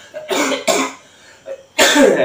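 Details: Three short, harsh coughs with a brief throat sound between them, from a person about to take a mother-and-child brand cough syrup at night; a plain dry-sounding cough.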